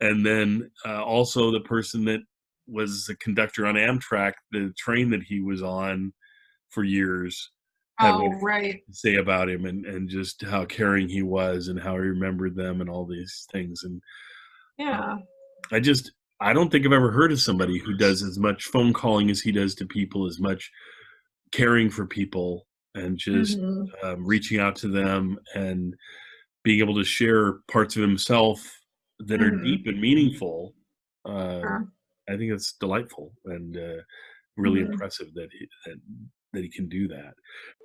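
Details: Adult male speaker; normal speech.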